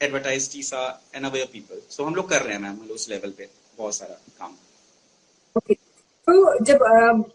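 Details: Stuttering (stammering) in an adult male, speaking Hindi in an interview.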